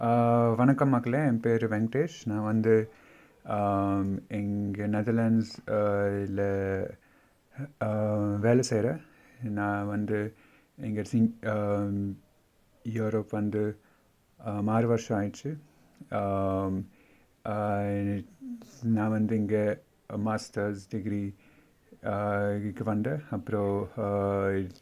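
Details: Adult speaker from India who stutters, speaking Tamil; stuttering.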